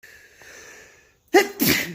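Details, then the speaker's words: Sneezing about 20 minutes after a run (3–4 km); person reports this happens after every run and calls it an allergy to running: brief quiet breath, then a sharp two-part explosive sneeze. "I'm allergic to running. Oh, wow. I can't stop. No matter... This is like 20 minutes after every run."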